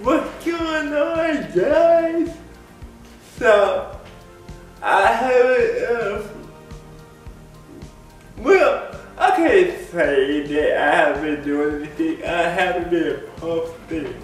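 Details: Dysarthric speech in an adult man with lifelong cerebral palsy.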